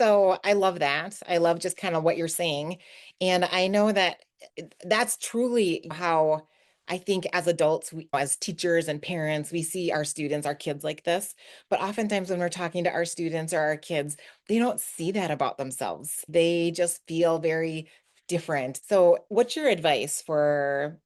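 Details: Adult woman speaking; normal speech.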